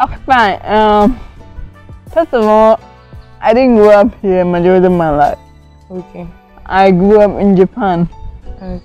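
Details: Adult woman with cerebral palsy from lack of oxygen to part of her brain, impairing coordination; she could not talk at first and says it affects how she moves and talks; dysarthria in cerebral palsy.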